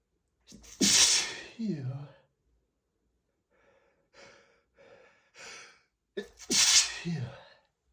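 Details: Repeated sneezing from an allergy flare triggered by dust while cleaning a bookshelf: two forceful sneezes separated by soft, breathy gasps and sniffs.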